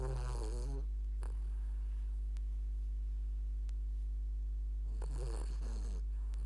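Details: Sleeping dog snoring; two short buzzing, rattling breaths separated by a quiet pause over a steady low hum; snoring.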